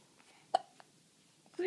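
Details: Rosie, who gets hiccups often, hiccuping: a single soft, abrupt hiccup in a quiet room, then a faint second one, while being spoken to affectionately.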